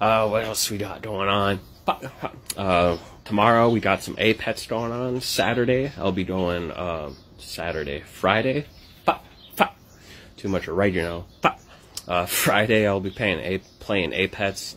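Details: Adult male comedian who states he has Tourette syndrome and makes tic noises; speech may contain vocal tics; vocal tics (Tourette syndrome).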